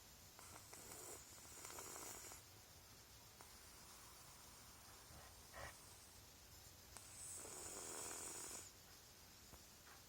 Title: my cat snores